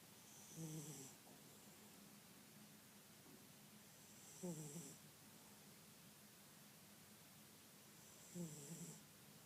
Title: snoring Archie